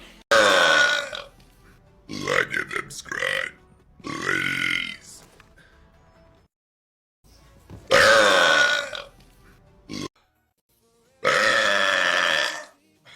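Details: Burp compilation from a live stream: about six loud, drawn-out voiced belches separated by short pauses, with faint background sound; repeated burping.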